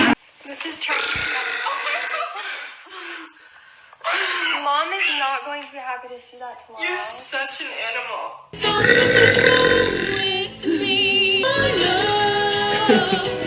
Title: BURPING COMPILATION!